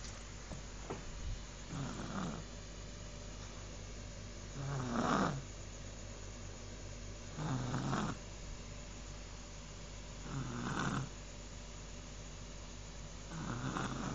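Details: Boy snoring; regular low rumbling snores on each breath, about one every 2.8 seconds (roughly 21 per minute), with steady room hum.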